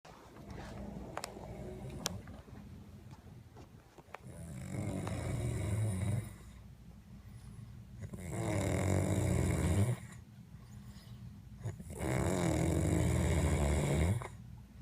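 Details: Loud, rough, rattling snores on each breath, about every 4 seconds, with softer breathing between, from someone passed out after drinking tequila: heavy snoring.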